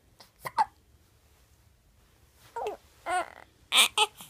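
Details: 10-day-old infant: several short, sharp catching sounds, some with a small voiced squeak, spaced irregularly over a few seconds; hiccups.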